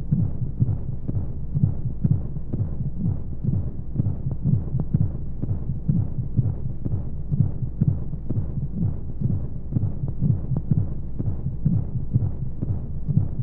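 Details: Womb sound played as a baby sleep aid with white noise: rhythmic low whooshing heartbeat thumps, roughly 125 a minute, in a steady hiss of flowing sound, like a heartbeat heard in the womb.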